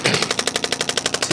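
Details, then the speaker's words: Radial shockwave therapy device treating shoulder muscles (scapula, deltoid, trapezius) at a chiropractic follow-up for shoulder pain: rapid, sharp, regular tapping bursts, roughly twelve per second; patient hears tapping but feels mainly pressure. "it feels like it's weird because it's like you hear the tapping noise but it doesn't really feel like the tapping so much in the muscles"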